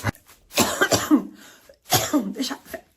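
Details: Woman who is currently ill and could not sleep: two clusters of repeated, harsh coughs in quick succession, in a small room.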